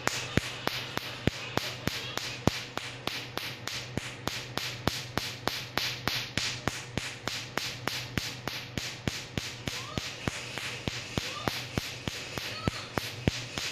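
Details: Tattoo removal laser firing repeated pulses: sharp, regular snapping clicks at about 200 per minute over a low hum.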